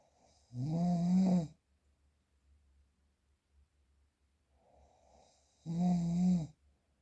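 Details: Real, unprocessed recording of snoring: two loud, low, rattling snores about five seconds apart, with quiet breathing between them.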